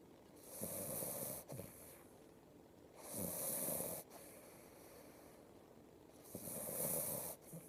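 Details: Snoring: three rough, rattling breaths about 3 seconds apart, roughly 20 a minute, with quieter breathing between them.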